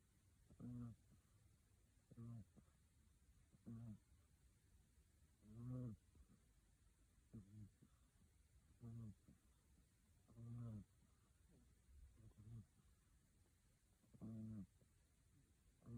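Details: Siamese kitten snoring in deep sleep: soft, buzzy snores repeating steadily about every one and a half seconds.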